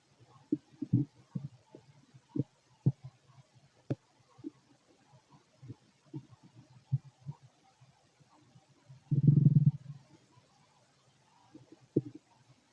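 Irregular low gurgles and clicks with a longer rumble, typical of normal bowel sounds during digestion.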